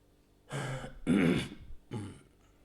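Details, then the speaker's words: An adult man with a hoarse voice, teaching a French history lesson, gives three short, rough throat-clearing bursts in a small room. "je vous l'ai dit hier excusez-moi ma voix est un peu enrouée"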